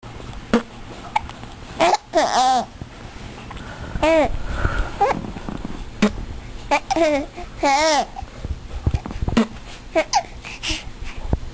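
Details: Infant starting to communicate, babbling and laughing, with several brief sharp catches between sounds consistent with hiccups.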